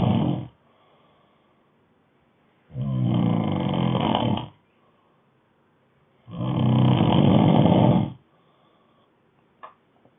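Loud, harsh, rumbling snores on inhalation, each lasting about two seconds, with quiet pauses between them. Typical snoring.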